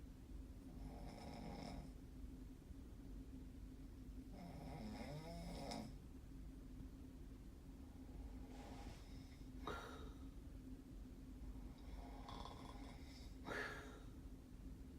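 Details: Snoring: regular rasping snores with snorting breaths, about five cycles in fifteen seconds, roughly twenty breaths a minute, over a steady room hum.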